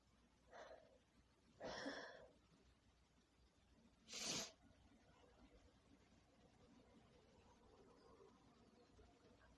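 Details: Female messy sneezing at night from a tickling nose: a faint sneeze followed by two stronger wet sneezes, over steady background hiss from poor audio quality.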